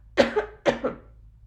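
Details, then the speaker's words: Demonstration of coughing into the inside of the elbow to avoid spreading germs: two short, dry, deliberate coughs. "entonces es mejor que lo dejemos en el interior del codo de acuerdo vamos a repetir lo que aprendimos a toser"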